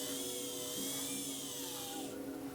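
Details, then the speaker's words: Steady high-pitched whine of a dental drill during a deep filling close to the nerve, done without anaesthetic under hypnosis on a fearful adult woman; tone dips slightly as it cuts, faint room noise. "You'll feel some pressure and nothing else. Good. Sound of the drill relaxes you deeper and deeper."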